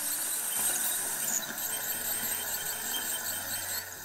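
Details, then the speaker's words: Ultrasonic scaler cleaning stains from the lower front teeth of a staff member during orthodontic wire replacement: high-pitched continuous squealing hiss with water spray noise. "そしたら超音波でクリーニングしていきます。じゃあお願いします。"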